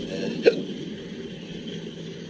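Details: A single sharp hiccup, recorded outdoors in July 2020 in a person with persistent, intractable hiccups after a 32-hour episode, over quiet background noise.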